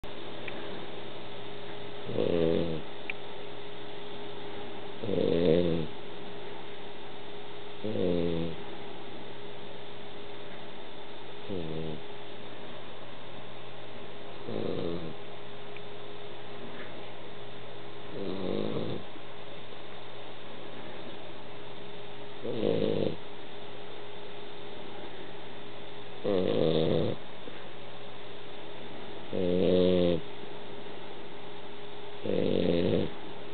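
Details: Cavalier King Charles Spaniel snoring with eyes open: regular rattling snores about 20 breaths a minute over low room hum.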